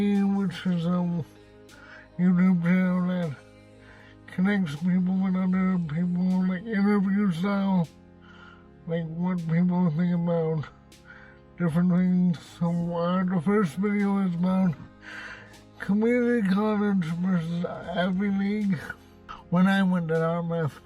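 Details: Dysarthria in an adult man who reports cerebral palsy and a speech impediment.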